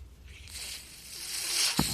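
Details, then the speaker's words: Podcast host's own mechanical ventilator as he speaks: a soft airy hiss builds over about two seconds and ends with a brief low click or thump as it delivers a breath; mechanical ventilator. "Hello everyone. My name is. That noise you're hearing is my ventilator."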